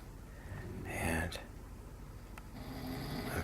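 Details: Two men snoring after 2 a.m., keeping the listener awake: a short snorting snore over steady room noise, followed by softer breathing sounds.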